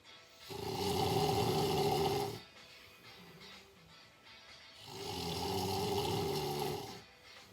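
Two long, rumbling snores about five seconds apart, with quiet breathing between; roughly twelve breaths a minute, ordinary snoring.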